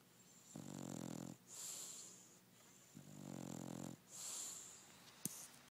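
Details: Sleeping dog snoring: a slow rhythm with a rumbling buzz on each breath in and a softer hiss on each breath out.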